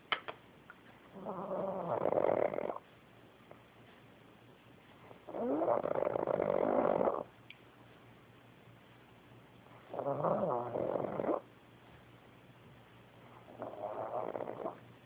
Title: Pug Snore